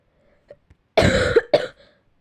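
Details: Two harsh coughs from a speaker who is currently ill, in a quiet room, the first longer and rougher than the second.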